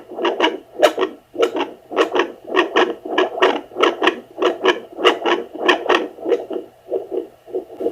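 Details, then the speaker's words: Rhythmic swooshing beats at about 98 a minute on a home Doppler used by a non-pregnant woman with no hCG; her own pulse, possibly palpitations or an echo, easily mistaken for a fetal heartbeat. "you can watch the numbers kind of go up and down and up and down but you can hear he's very distinctive swooshing and beating just listen closely"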